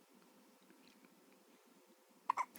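Quiet room, then two short, sharp hiccup-like bursts near the end; hiccups.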